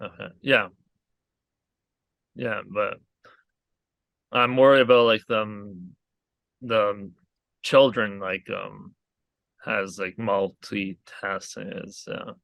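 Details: Aphasia in a male stroke survivor following a hemorrhagic stroke caused by an arteriovenous malformation at age 20.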